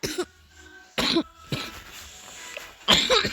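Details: Three sharp cough bursts and a fainter fourth, with quiet room noise between them; the speaker is coughing.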